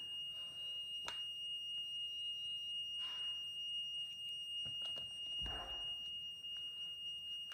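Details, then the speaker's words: A steady high-pitched alarm over room noise from a 17-year-old girl's insulin pod after about 6 years of type 1 diabetes; a pod error alarm meaning insulin delivery stopped and the pod must be changed. "pod error insulant delivery stopped change pod now well guess I have to change my pod"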